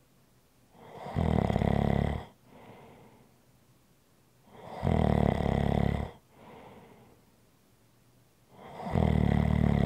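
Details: ASMR relaxation recording: loud, deep snores on each in-breath with softer out-breaths between, about 15 breaths a minute. Snoring.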